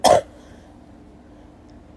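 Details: Adult woman's habitual cough, which she says she copied from toddlers as a joke until it became how she coughs: a single short, high, light, childlike cough.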